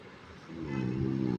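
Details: Low, buzzing snore swelling in during a sleeping French bulldog's in-breath, steady and tonal by the end: snoring.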